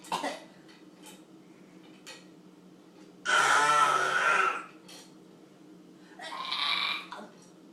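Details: A child's hoarse, drawn-out cough burst, then a shorter second cough, in a quiet room: a plain cough.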